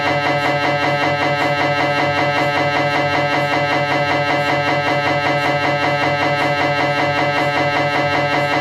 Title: MRI Sounds Cervical Spine, Philips 1.5T